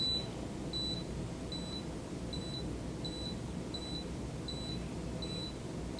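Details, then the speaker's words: Short, regular high beeps over a steady low hum as an electronic automatic blood pressure monitor, set to adult, runs on a client's arm in a nursing skills demonstration, before the cuff deflates and is removed. "Step number 11, waits until the blood pressure cuff reading appears on the screen and for the cuff to deflate. Then removes the cuff."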